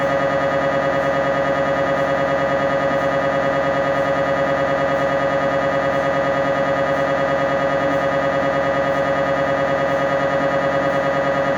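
Loud, steady mechanical buzzing hum with a regular pulsing beat, about two a second: an MRI scanner running during a scan.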